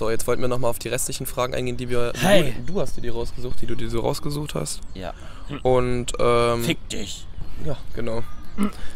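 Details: Adult speakers in conversation; ordinary speech.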